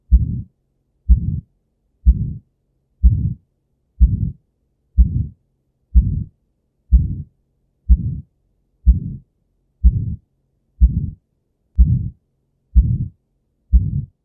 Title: Aortic Stenosis Heart Sound | Heart Murmur | Christina NP